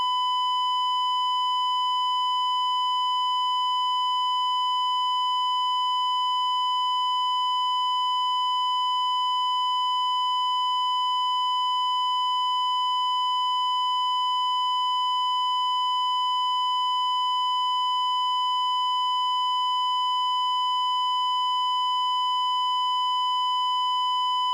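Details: Sound-effect library recording of a cardiac monitor's steady, unbroken tone lasting the whole clip: the flatline alarm of asystole.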